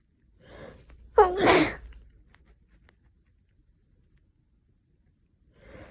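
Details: A breath in, then one sharp, explosive sneeze in a quiet room, from a person with a cold attributed to temperature swings; a single sneeze.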